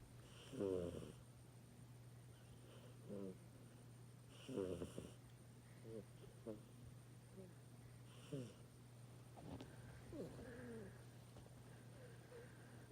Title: Mini snores